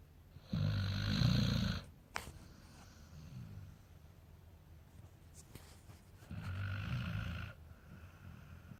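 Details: Sleeping American Akita dog snoring: low rattling snores on each breath in, two clear snores separated by quieter breathing.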